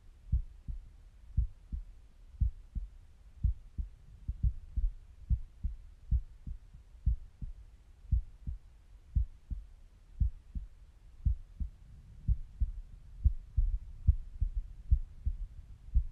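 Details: Steady paired heart thumps at about 60 per minute, heard by stethoscope at rest, with soft gurgling bowel rumbles underneath; normal resting heart sounds.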